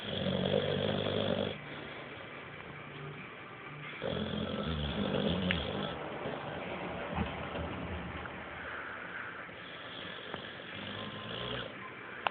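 Loud rattling snores alternating with quieter breathing phases, with household background noise; snoring during sleep.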